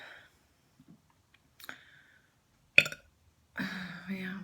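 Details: Bad hiccups during a folk hiccup-cure attempt: a sharp throaty burst followed by a short voiced belch-like sound in a quiet room; burping.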